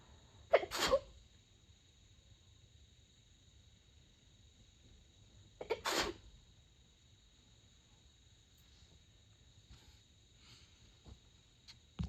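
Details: Person trying to sneeze quietly at night, covering sneezes with a light blanket during a long sneezing fit: two stifled sneezes about five seconds apart in a quiet room.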